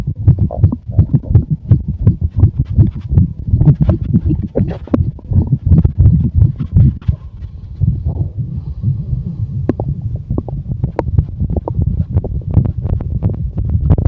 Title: Sound stomach growl and chest rub